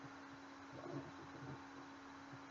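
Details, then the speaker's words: Faint, soft, regular S1 and S2 heart sounds heard with stethoscope at the aortic area during a physical assessment practice; normal heart sounds, regular rate and rhythm. "this is her in it noted the rated rhythm as regular us-1 us-2 sounds were heard"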